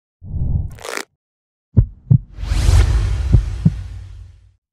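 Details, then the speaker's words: Aortic stenosis murmur, a narrowing of the aortic valve obstructing blood flow from the left ventricle to the aorta. "aortic stenosis is a narrowing of the aortic valve of the heart causing an obstruction to blood flow between the left ventricle and the aorta"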